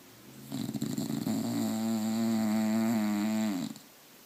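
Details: One-year-old Bulldog snoring heavily while asleep in the morning: one long, loud, rattling snore on a single drawn-in breath, lasting about three seconds.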